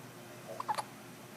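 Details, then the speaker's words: Six-day-old newborn boy just after a big feed, a single soft, abrupt catch of breath with a brief voiced squeak in a quiet room; newborn hiccups. "You get hiccups, big guy."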